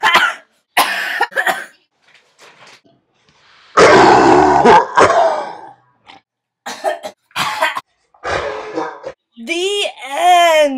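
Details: Adult with a throat virus last week, montage of filmed coughing: repeated harsh, explosive coughing bursts with throat clearing between them and a brief voiced sound at the end; recurrent cough.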